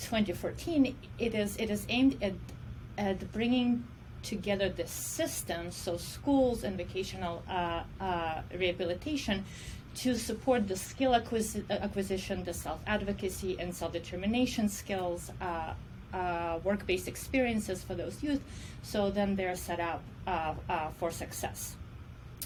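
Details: Adult woman who says she stutters and considers stuttering her disability; stuttering.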